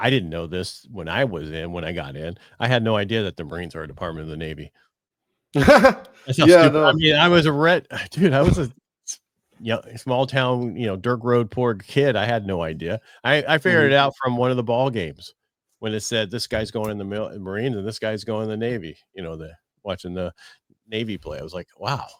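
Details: Adult male speaker; normal speech.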